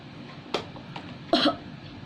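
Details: Acted nursing demonstration of deep breathing and effective coughing: the patient holds the breath 2–3 seconds after the last deep breath, then coughs strongly to expel sputum. Brief breathy bursts, then one strong forceful voluntary cough.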